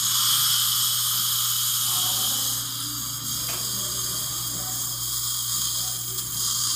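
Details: Steady, high-pitched drill whine over a low hum: a dental drill placing upper mini implants for an overdenture in a female longtime denture wearer, in one appointment, with lower mini implants already placed.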